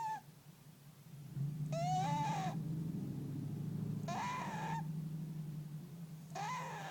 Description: Here is another video of my fat cat snoring ;) he is so loud!